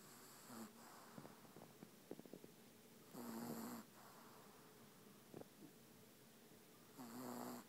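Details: Soft, rattling snores on each breath, about three over several seconds, with faint snuffles between them over steady room hiss, from a sleeping dog; snoring.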